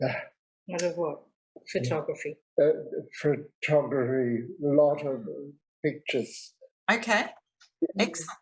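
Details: Non-fluent aphasia in a real 65-year-old man after a large stroke 10 years earlier; he is also unable to write or spell.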